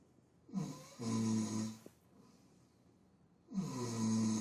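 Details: Adult man, said to be drunk, asleep and snoring: two loud, rough, low snores about three seconds apart, separated by quiet exhalation.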